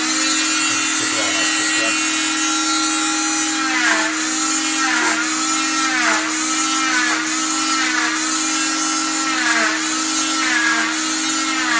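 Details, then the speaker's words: Oscillating cast saw removing a fiberglass short arm cast, cutting in a straight line along the ventral side of the arm: steady high-pitched whine, dipping about once a second as the blade bites. "Okay, so so usually try to get a towel or something over them because it does get pretty dusty, just to help keep the patient clean."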